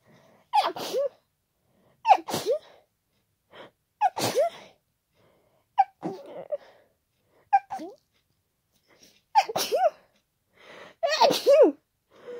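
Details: Person with an ongoing cold, very tickly nose, not stifling: seven loud, forceful, wet sneezes in quick succession, each preceded by a sharp in-breath; sneezing.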